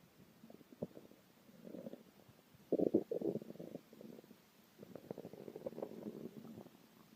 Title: my hungry stomach growling